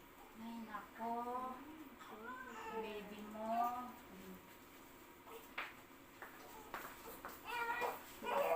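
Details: Baby girl just after normal vaginal delivery, born 2:15; repeated high, wavering crying bursts with room noise and adult voices; a vigorous normal newborn cry.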